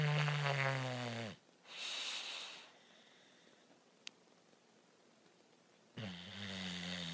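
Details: Snoring: loud buzzing snores with falling pitch, broken by a pause of several seconds, then snoring resumes; heavy snoring.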